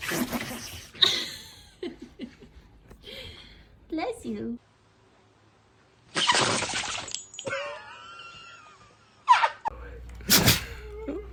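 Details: Dog having a sneezing attack: several short, sharp bursts of forced air through the nose, with people's voices reacting in between; repeated sneezing.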